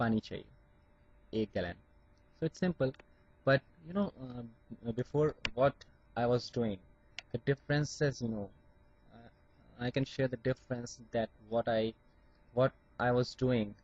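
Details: Adult Indian man who still stammers, with blocks on certain words such as P words, speaking with acceptance of his stammer; stuttering.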